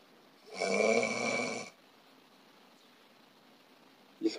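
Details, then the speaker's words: Snoring with a more narrowed upper airway and a lower-hanging uvula, heard during sleep. "기도 과 좀 더 좁아진 소립니다 목젖을 좀더 쳐진 소리겠죠"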